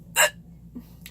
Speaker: so I have hiccups so I was gonna try to record them right now